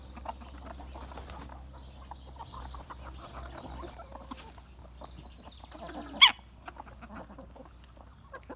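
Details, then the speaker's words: Chicken in a backyard flock sneezing from dust in scratch feed, per owner: soft clucking, then one sharp, brief sneeze over a low steady hum. "a chicken sneezing they get that dust from that scratch and stuff and they sneeze"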